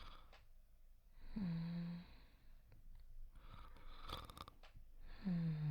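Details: Simulated snoring by a voice actor in a sleep roleplay: soft, breathy inhales and gentle throaty rumbles between quiet pauses; imitation snoring.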